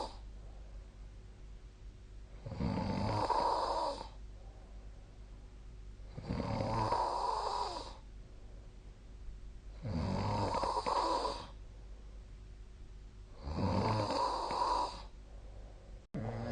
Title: 🐽 本日のイビキ / Snoring Sleep Sound 2025/04/10